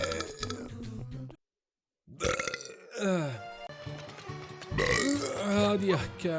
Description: Just the finest burps Vol.4 ❤️